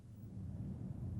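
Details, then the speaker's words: Transmitted voice sounds louder and clearer than normal as the patient says "99" during chest auscultation where bronchial breath sounds are heard: bronchophony. "voice sounds that are louder and clearer than normal are called branca phony 99"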